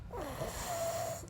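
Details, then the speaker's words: Girl with a cold snoring while asleep, with a brief rough, rattling sleep breath and a thin whistling tone through a congested nose. "ಅವಳಿಗೆ ನೆಗಡಿ ಆಗಿತ್ತು ಅದಕ್ಕೋಸ್ಕರ ಅವಳು sound ಉಂಡಆಗ್ತಾ ಇದೆ ಗೊರಕೆ ಹೊಡಿತಿದ್ದಾಳೆ ಅವಳು ಅವಳದೇ sound ಜಾಸ್ತಿ ಕೇಳಿಸ್ತಾ ಇದೆ"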